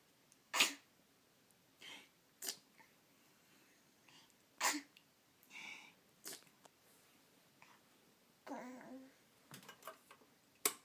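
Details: Night-time sneezing with daddy: about five sharp, hissing sneezes over ten seconds, with softer snuffles between, in a quiet room.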